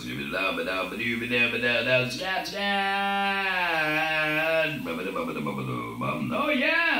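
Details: Man using an electrolarynx while attempting scat singing; electrolarynx speech.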